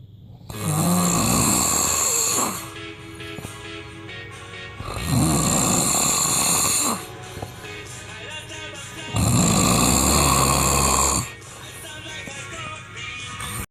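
Loud, harsh rattling snores on each breath, about 14 a minute, with music in the background; heavy snoring.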